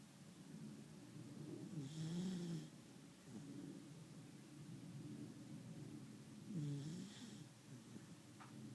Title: Ella snoring